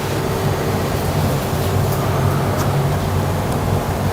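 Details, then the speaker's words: Stethoscope auscultation of a patient's back, interscapular region, during deep breathing in a thoracic and lung semiology teaching exam: soft, low rushing airflow without added noises; normal vesicular breath sounds. "hemos hecho de manera simétrica hemos hecho buena presión con nuestro fonendoscopio sobre el tórax del paciente y hemos tratado entonces de identificar algunas anormalidades aquí"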